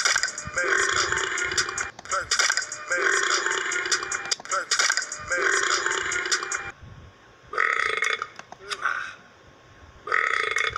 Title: Burping burps